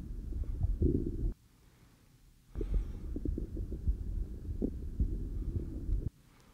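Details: Low, irregular gurgles and rumbles over the abdomen through an Eko electronic stethoscope, patient supine with knees bent, during a physical exam for GI complaints; normal bowel sounds of active gut movement.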